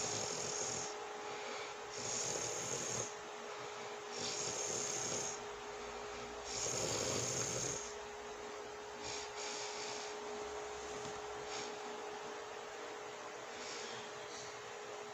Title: watch me sleep #asmrsleep #relaxing #snoring #sounds